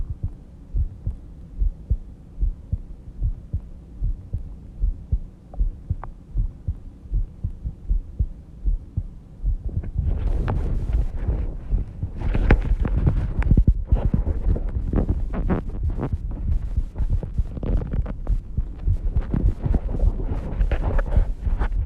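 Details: Self-recorded heartbeat of a person asleep at 5:30 am: steady low thumps at about 70 bpm, then louder rustling partly covering them; a normal slow, regular resting heartbeat.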